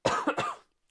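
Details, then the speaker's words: Adult still recovering from an infection: a short cough of two or three quick bursts. "infection as you can hear still coughing a bit but ok feeling a lot better overall"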